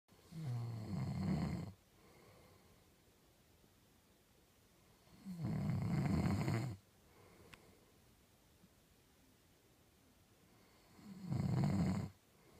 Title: Proof he snores